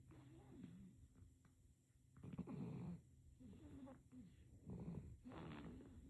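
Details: Sleeping baby snoring: soft, irregular snuffly snores with noisy breaths; faint room noise.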